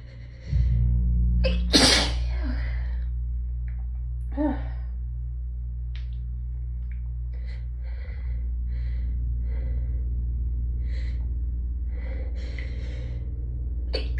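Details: A gasping in-breath, then one loud sneeze and a smaller one over a steady low hum; desperate, hitchy hayfever sneezing from allergic rhinitis, nose raw from rubbing.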